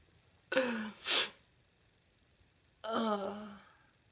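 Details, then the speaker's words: Adult possibly coming down with something, sneezing from a nasal tickle: a voiced sneeze-like burst with a sharp hissing release, then a second drawn-out voiced exhalation. "That felt good. Oh, bless me. Oh, I got a tickle. Oh, it's stuck in there."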